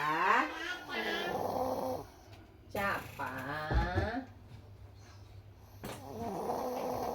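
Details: Man snoring while asleep: loud, rough, rattling, growl-like breaths over low room hum.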